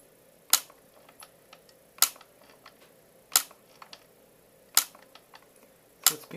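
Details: Sharp single clicks every one to two seconds in a quiet room, with faint softer clicks between: YAG laser shots breaking up a dense vitreous floater in a male patient's left eye.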